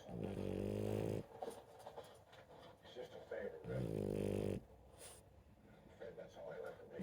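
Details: Dog snoring: two low, rattling, buzzy breaths about three seconds apart, heard over background TV talk.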